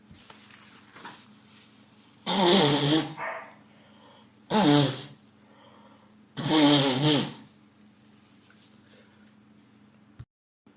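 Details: Adult man with a head cold in spring for about a week, also sniffling and blowing his nose: three forceful sneezes in about ten seconds over a low hum; repeated sneezing.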